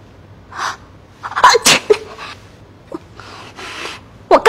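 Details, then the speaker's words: Several sharp acted sneezes from an adult woman in a Chinese drama scene, with a quiet room behind; her husband suspects she caught a chill; simulated sneezing. "这打喷嚏是小事儿，常言说得好，一想二骂三惦记。这会儿是有人在惦记夫君肚里的学问呢。"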